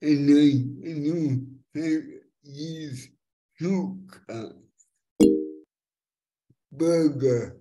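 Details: Dysarthria due to cerebral palsy in a multilingual young woman born with the condition (congenital), which has affected her speech; she uses a speech recognition app to communicate.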